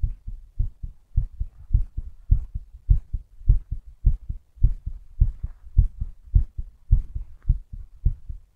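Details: Strong, regular low thumping heartbeat with paired beats at about 105 per minute.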